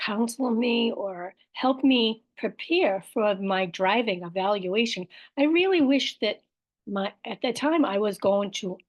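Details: Aphasia with apraxia of speech and dysarthria after a stroke in an adult woman, with word-finding errors, repetitions and self-corrections.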